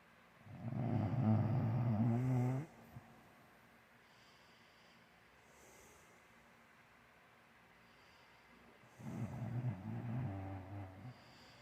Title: snoring Oreo